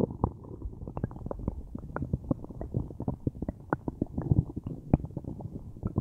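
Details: Loud bowel sounds from a person with a tummy ache: rapid, loud gurgling and rumbling bursts, continuous over several seconds; very active borborygmi.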